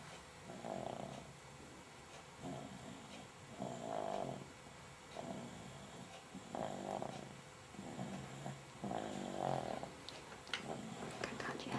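Soft, repeated rattling snores come with each breath in a quiet room, roughly every two to three seconds. Snoring.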